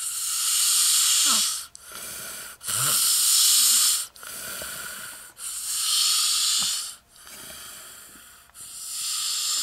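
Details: Loud, hissing, whistly breaths at about 23 a minute, with a rough snore quality on each inhalation; a friend's annoying snoring.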